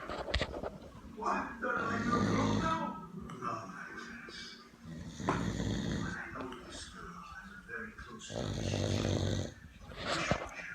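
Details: Adult male friend snoring in the afternoon: loud, rough, grunting snores in uneven bursts, with background talk and music; heavy snoring.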